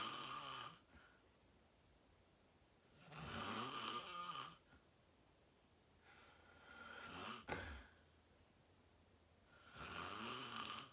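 Three loud, rough snores on inhalation, separated by quiet exhalations, about 18 breaths a minute; ordinary heavy snoring.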